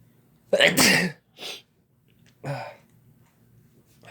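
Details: Two people sneezing together after using chhinkni: a loud explosive sneeze, a softer second burst, then another sneeze; induced sneezing.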